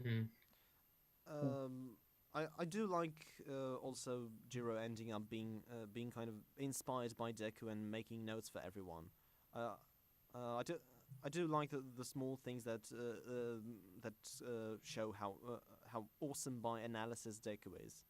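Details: Self-described stammering male podcast host whose show combines a podcast with speech therapy, with word and part-phrase repetitions; stuttering.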